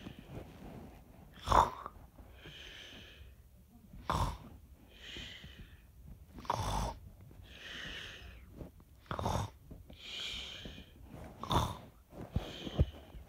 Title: 30 seconds of snoring